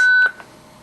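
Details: Zoll X Series monitor/defibrillator in synchronized cardioversion mode: the steady charging tone to 100 J is cut off abruptly, then a short soft beep as the charge is cancelled via energy select without delivering a shock.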